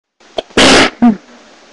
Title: a few handkerchief sneezes :)